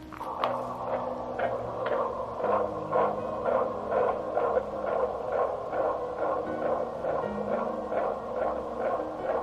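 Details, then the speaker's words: Rapid, even whooshing fetal heartbeat at about 128 a minute, recorded at a 3D ultrasound during pregnancy and played back through a small speaker in a stuffed animal. "so this is the little stuffed animal that the 3d place gave me with heartbeat and is what it sounds like"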